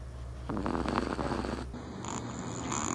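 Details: A sleeping cat with soft, fluttering, purr-like snoring over a steady low rumble: snoring.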